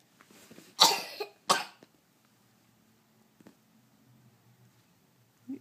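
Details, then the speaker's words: A child gives two short, forced coughs; a voluntary fake cough rather than an illness cough. "coughing huh yeah i don't really think that you need that medicine"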